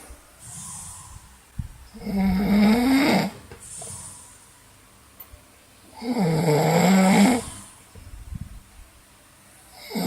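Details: Deliberately imitated snoring in a snoring challenge contest: loud, rattling inhalation snores, about 15 per minute.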